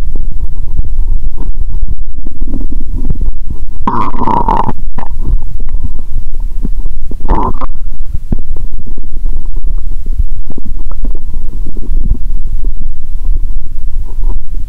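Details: Stethoscope on her own abdomen after Coke and Mentos, feeling full after burping; she describes loud, noisy sounds; gurgling bowel sounds.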